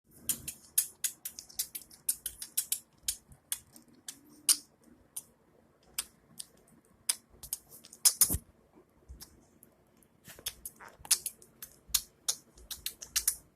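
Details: A female budgerigar making rapid, sharp clicking and sneeze-like bursts, similar to a sneezing fit: regurgitation (vomiting) in a budgie.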